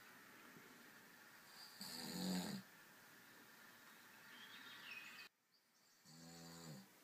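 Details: Possible snoring in a baby boy sleeping in his crib who has just started rolling over: two short, rough, low-pitched breathing noises in a quiet room.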